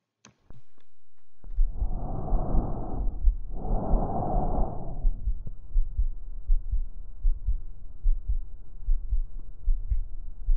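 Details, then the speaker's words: Stethoscope on the neck over the pharynx and trachea in a teaching demonstration: one loud, harsh, hollow breath in and out, normal tracheal (laryngotracheal) breath sounds. "escucharemos primero el murmullo laringotraqueobronquitis a la hora de poner el estetoscopio en el cuello en el área de la faringe o tráquea una laringe la tráquea"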